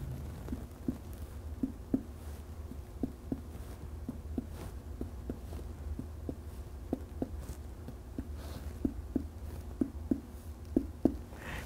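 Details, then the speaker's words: Abdominal percussion during a proctored nursing head-to-toe assessment, starting at the right upper quadrant and percussing each quadrant in turn: soft, quick paired tapping sounds, mostly dull in tone. "now the next step of the abdominal assessment is precaution I'm going to start with the right upper quadrant and in percuss of each quadrant as I go through"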